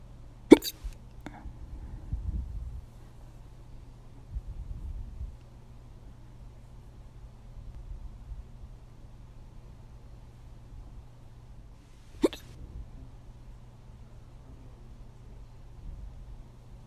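Sharp, brief hiccup sounds, two close together then one more about twelve seconds later, over a quiet room hum.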